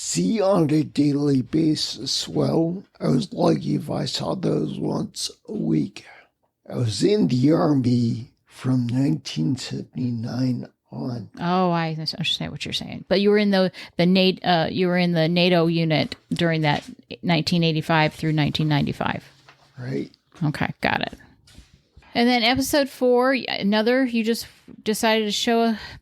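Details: Ataxic dysarthria in a man with spinocerebellar ataxia, a rare neuromuscular disease causing mobility challenges and a speech impediment, lived with for over 20 years.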